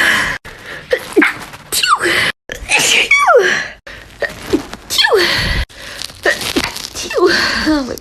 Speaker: I'm gonna try to sneeze with my eyes open. Okay, that was weird, and I kind of want to do it again.